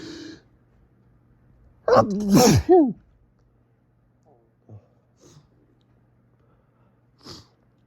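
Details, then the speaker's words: Morning allergic sneezing in bed from fall allergies, with an itchy, tickly, snuffly nose: a short in-breath, then a forceful burst of rapid sneezes caught in tissues, followed by quiet sniffs and breaths. "Such a teasing tickle. It's like each one just triggers the next. It's building. It's building up."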